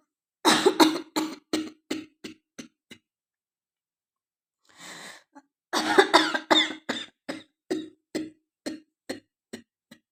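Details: Woman with a hoarse, changed voice coughing on request: two long runs of rapid, repeated dry coughs, about eight to ten bursts each, with a brief pause and a breath between them.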